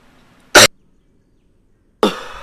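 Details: Adult gamer (voice says cracked, sounds like old man wheezing) gives a cough while talking during commentary; cough.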